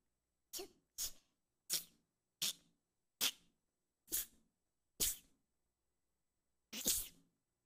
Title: (AG1) female twitch streamer rapid sneeze compilation